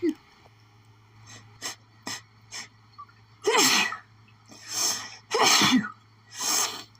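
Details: Intense, rapid sneezing fit after sniffing lilies; suspected pollen allergy; nonstop sneezing fit.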